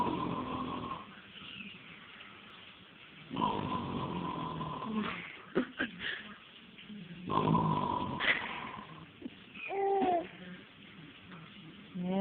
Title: doesn't like snoring